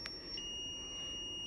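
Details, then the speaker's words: Simulated pulseless ventricular tachycardia on a Zoll defibrillator connected to a simulator module in place of pads: after analysis advises a shock, the steady high-pitched electronic charging tone sounds while charging to 3 joules before the shock. "if there is no pulse you simply charge it let's say we need to charge to three joules charge"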